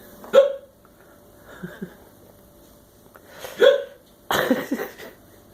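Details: An adult man with hiccups, which his wife is recording, makes three abrupt, sharp gulping vocal catches a second or more apart; hiccups.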